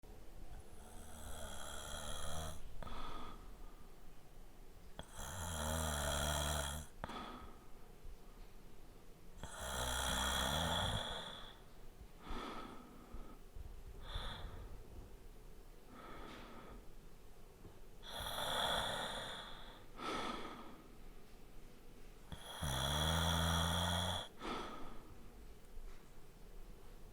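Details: Sound effect recorded with a Zoom H4n Pro at 96 kHz/24-bit: steady, light snoring from a sleeping adult, about 13 breaths a minute, with a soft snort on breathing out.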